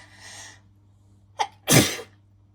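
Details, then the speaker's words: Woman sniffing a bubble bath she says she is really allergic to: a sniff and quick inward gasp, then one forceful sneeze; sneezing as an allergic reaction to an irritant. "I'm really allergic to this bubble bath and every time I have a bath um I always forget that it drives me absolutely crazy"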